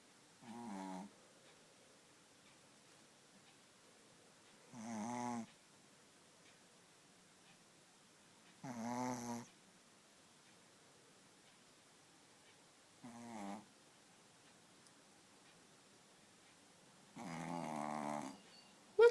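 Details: Five short, buzzing snores about every four seconds, roughly fifteen a minute, in a quiet room; ordinary snoring.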